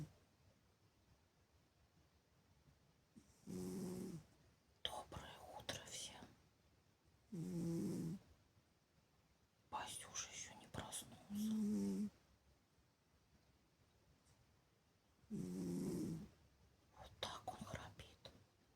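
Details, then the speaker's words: Sleeping cat snoring like a human: soft, regular snoring about 15 breaths a minute, with quiet whispering in the room. "Ничего себе, Баська топит, как человек храпит."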